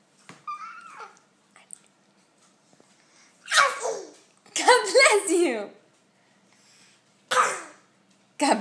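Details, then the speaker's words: A goofy boy makes several voiced, deliberately fake sneeze sounds among bits of speech; playful imitation of sneezing, not real sneezes. "Ma, you sneeze a lot."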